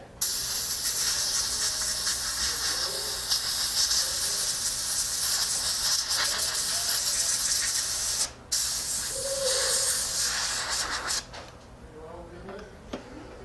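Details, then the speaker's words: Loud continuous hissing spray of a dental air-water syringe, with brief pauses, rinsing a freshly polished posterior composite filling. "Okay, so I'm going to rinse this off and clean it up here."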